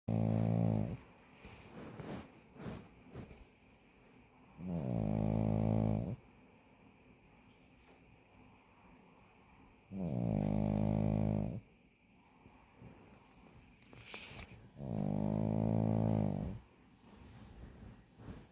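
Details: Sleeping pug puppy snoring: loud, regular buzzing snores about one every five seconds, with quiet breathing between.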